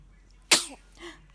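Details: A baby who has just woken and yawned gives a single small sneeze: one sharp, hissing burst with a short voiced tail, then a soft breathy sound.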